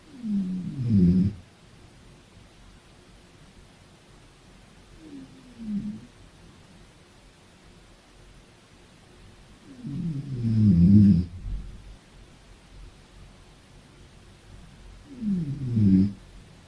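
Low rattling snores recurring about every five seconds, some soft and some louder, in a quiet room: snoring.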